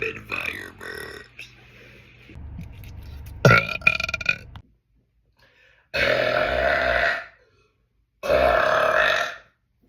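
Several loud, drawn-out belches, some in quick succession, with brief talk and room noise between them.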